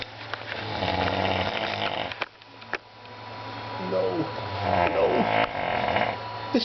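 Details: Adult man snoring late at night: loud, rough, rattling snores on two long breaths, with quieter breathing and faint room noise between; heavy snoring.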